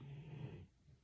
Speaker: and clear everything else out including the snoring of the dog that you can probably hear in the background